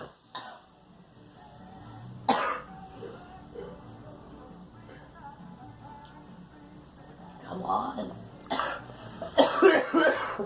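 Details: Child with a cold or flu giving a few short, harsh coughs over background talk and music.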